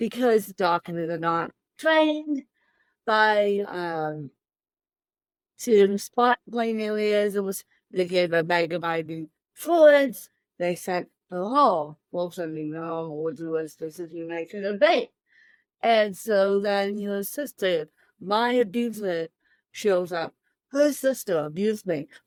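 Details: Adult woman with cerebral palsy since birth, born 13 weeks premature weighing one pound thirteen ounces; dysarthria (cerebral palsy).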